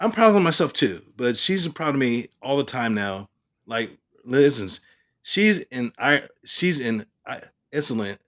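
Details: Aphasia in an adult male stroke survivor.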